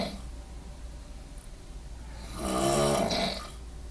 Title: Roomate extreme snoring